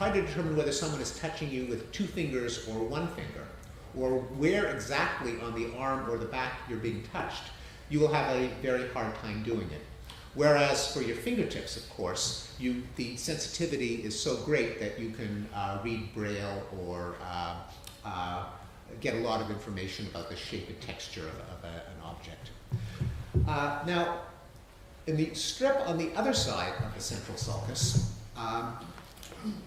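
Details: Adult male speaker; normal speech.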